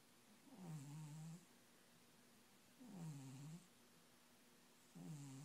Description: I sometimes wake up thinking someones sleeping next to me to find out my cat is the one snoring xD